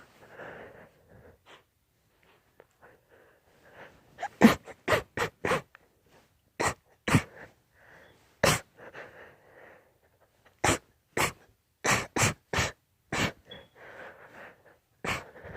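A sneezing fit: about eighteen sharp, explosive sneezes in quick clusters, with soft snuffly breathing between them.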